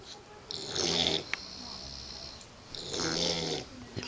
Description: Mastiff/Pit-Bull puppy snoring like a man